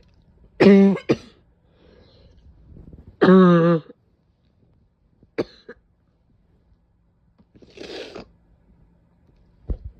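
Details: A painful cough: two loud, harsh, hoarse, seal-like barking bursts in a small room, with a couple of sneezes.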